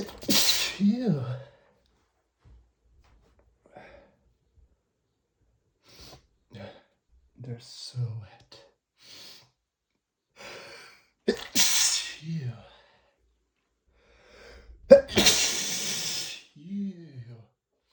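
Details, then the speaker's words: Several forceful sneezes with sharp intakes of breath, sniffs and sighs between, after dusting books flared allergies; person says meds needed to stop them; repeated sneezing. "I got to take my meds or they're just not going to stop."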